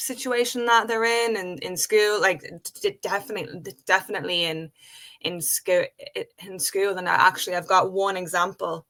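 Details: Adult woman with a real developmental stutter present since age five, speaking spontaneously in English conversation; stuttering.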